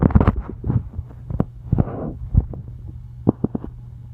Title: Loud stomach growls